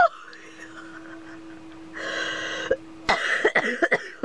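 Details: Strained, wheezy laughter breaking into several short, dry coughs from an adult; a coughing fit set off by laughing while reading things online.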